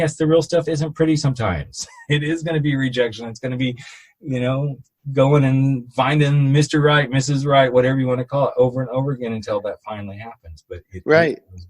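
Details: Adult male speaker; no speech disorder.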